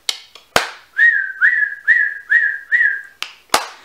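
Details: Adult with a Tourette-like tic disorder, on what she calls a very ticky day: five short, steady whistles in quick succession between sharp clicks, a repetitive whistling vocal tic.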